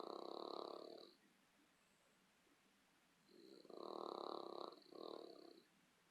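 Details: Rough, fluttering snores on each breath, two breaths a few seconds apart, in a quiet room, from a sleeping dog that keeps its owner awake: snoring.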